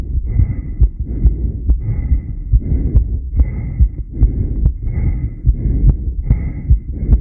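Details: Heartbeat sounds recorded during a long breath-hold (10 lead); the subject asks whether the heart's reaction is normal. Heart sounds during breath-hold.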